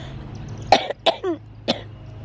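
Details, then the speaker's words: Cough in a person with cystic fibrosis who reports late-afternoon sinus pressure, ongoing coughing and a borderline headache felt on coughing: three short harsh coughs with a throat-clearing catch between them. "I think the pressure throughout the day of like either my sinuses or the coughing or whatever is giving me kind of like a borderline headache and then I feel it when I start coughing again"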